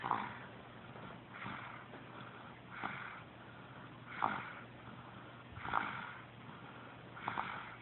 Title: Snoring baby